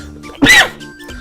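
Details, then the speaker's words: Lingering cough about two and a half weeks after COVID-19: a single loud, harsh cough with a wheezy edge, described as a loud wheeze cough rather than a sharp one, not yet gone. "The coughs I had during COVID, they weren't like sharp coughs, so they never bothered me, but they're like loud wheeze coughs like that one."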